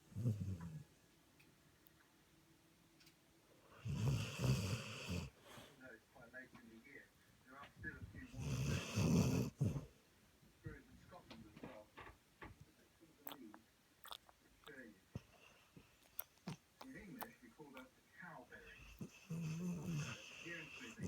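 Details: Nova Scotia Duck Tolling Retriever dog dreaming in sleep: two loud, rough low snores, quieter irregular snuffling breaths, then a third snore building; snoring.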